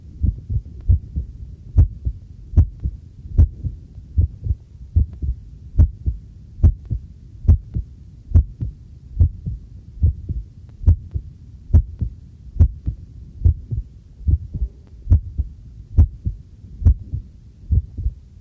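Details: Normal adult heartbeat recorded with a homemade field stethoscope microphone during housework: steady, regular lub-dub at about 70 beats a minute, with running tap water and clinking tableware in the background.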